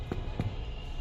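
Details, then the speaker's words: Finger percussion over a child's chest during a paediatric respiratory examination, tapping symmetrically at intercostal spaces along the midclavicular, midaxillary and scapular lines: two dull, low taps a few tenths of a second apart, a normal resonant percussion note. "তাহলে তোমার পর্যাপ্ত sound হবে আর এটা practice না করলে কিন্তু sound হবে না"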